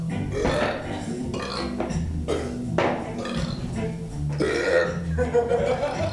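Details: Several deep, gurgling belches one after another over background music; repeated burping.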